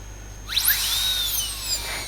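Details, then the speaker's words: High-pitched whine of a dental drill spinning up and running steadily with a straight fissure bur, smoothing the margins of a composite cavity, with an optional small retention groove and a labial bevel. "Like you have learnt in your preclinical exercises, you can even give a retention groove. Small groove here."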